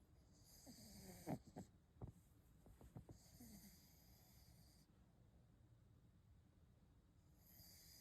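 A sleeping dog gives a few low, rattling snorts and snores over steady background hum; ordinary snoring.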